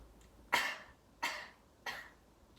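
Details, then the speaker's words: Three short, deliberate coughs spaced evenly on one slow exhale after a deep breath, demonstrated by a child during a deep breathing, coughing and splinting teaching exercise; voluntary cough. "Next thing I'll do is have the patient breathe in deeply and slowly, and then I will have them do 3 short coughs when they're exhaling out."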